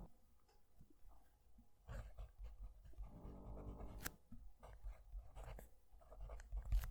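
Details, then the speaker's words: A dog snores softly in the background, with a low rumbling breath midway, beneath close pen-on-paper scratching and faint room noise: snoring. "I'm going to move the mic down to the page so you can hear the pen write, and hopefully you'll be able to hear it over the dog snoring."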